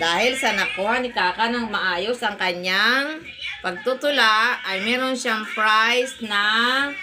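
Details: Adult woman speaking Tagalog; Ordinary speech.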